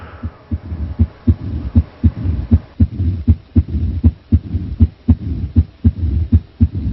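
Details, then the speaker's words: Mitral stenosis murmur, regular heartbeat about 79 per minute with opening snap (sharp clicks) and low mid-diastolic rumble; discussed in context of a pregnant woman with worsening shortness of breath. "it's a very complicated murmur because it's a diastolic mid diastolic murmur"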